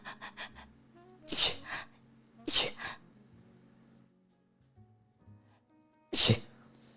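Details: Three forceful sneezes, each with a quick in-breath before it, over quiet background music; the sneezer jokes about being allergic and has been sneezing a little since a swab up the nose.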